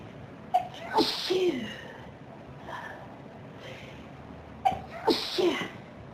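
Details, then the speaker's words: Intense sneezing fit: two bursts of sharp, forceful sneezes in quick succession, each with a brief intake of breath before it. "Oh, wow. This is a big sneezing fit. Do you feel it?"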